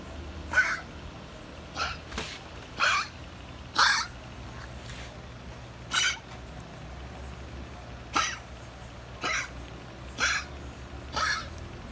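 Nine short, soft cough bursts at irregular intervals over about twelve seconds, with faint low room noise.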